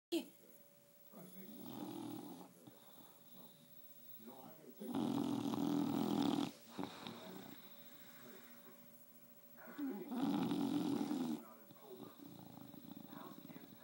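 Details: A sleeping dog snoring: loud, rasping snores on each breath with quiet pauses between them, and a steady background tone.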